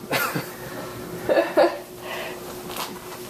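A young child gives several short, moderate coughs spread over a few seconds, with a faint steady hum and quiet room noise behind.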